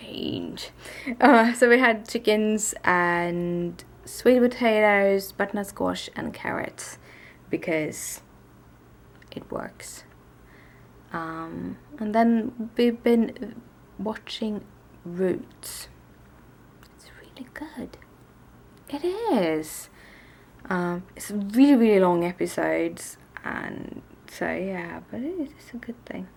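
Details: Adult woman with tics and a speech impediment present since waking that day, worse in Swedish than English, speaking English on a bad day; stuttering.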